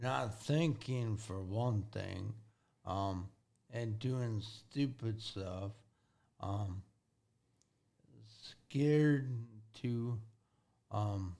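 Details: Acquired speech impairment in a 40-year-old man with severe traumatic brain injury from a car accident at 19, about 21 years earlier. The injury affected his thinking, processing time and speaking speed. He relearned to talk and has had speech therapy.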